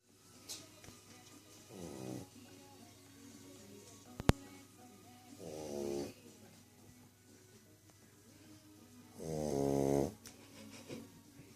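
Three loud, rattling inhaled snores about four seconds apart, with quiet room noise between: a dog snoring.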